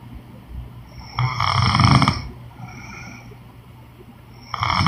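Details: Woman snoring, sound-effect recording with background music: a loud, rough snore on an inward breath, then a quieter stretch and the start of another snore; snoring.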